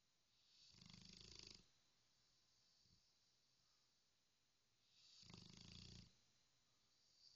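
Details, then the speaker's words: Dog snoring, with owner remarking it snores while awake too: two long, rough, rattling breath sounds several seconds apart. "Are you snoring? Are you a snoring dog? Are you snoring? Oh, you snore while you're awake too?"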